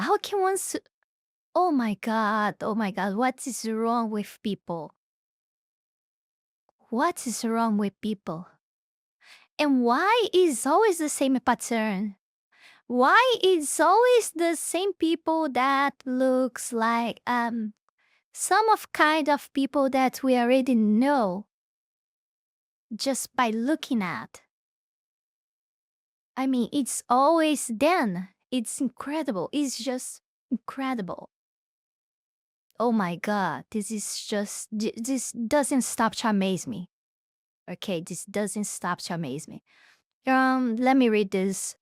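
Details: Adult speaker; normal speech.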